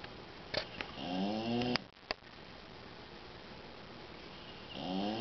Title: Boxer snoring (Lucas)